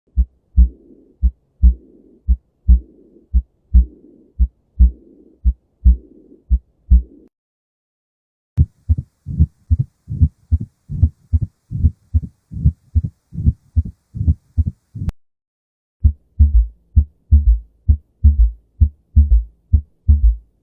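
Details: Teaching recording of abnormal heart sounds (set covering S3 gallop, aortic stenosis, mitral regurgitation) through a stethoscope: a hissing murmur between beats in the opening stretch.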